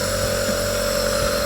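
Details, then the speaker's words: Omron nebulizer compressor running with saline (NaCl), no Ventolin, for a child with cough and cold to thin mucus; steady mechanical hum with constant buzzing tone while delivering mist, used about 10–15 minutes. "Oke, kita nyalakan ya, teman-teman. Ini tidak menggunakan Ventolin ya, teman-teman. Tidak menggunakan Ventolin karena dia hanya batuk pilek saja."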